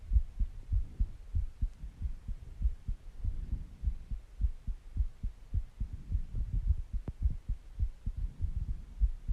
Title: Heartbeat Sounds And Breathing Sounds